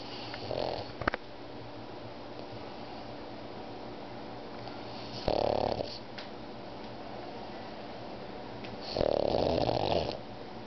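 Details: 3-year-old pug sleeping: three loud rough snoring bursts about every four seconds, with faint steady breathing noise between them; snoring in a sleeping dog.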